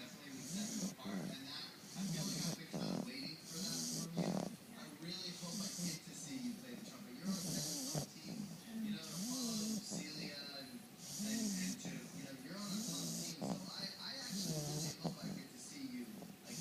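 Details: Heavy snoring: loud, continuous rattling snores with snorting and whistling, repeating steadily through sleep.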